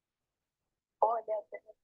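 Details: Adult female patient with Friedreich ataxia, recording used to score the mFARS bulbar speech item; tremulous, choppy, shaky, choked voice with words not flowing together; ataxic dysarthria.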